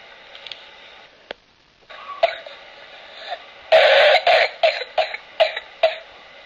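An infant's run of rapid, harsh coughs comes in one burst, with no whooping intake of breath between them.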